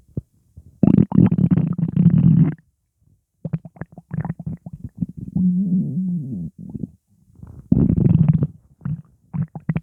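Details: Upset stomach rumbling: loud gurgling, bubbling and groaning abdominal sounds in irregular bursts with short pauses, including a drawn-out rising and falling squeal; borborygmi from gas.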